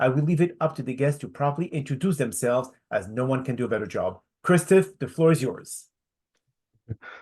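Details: Adult male speaker; Normal speech.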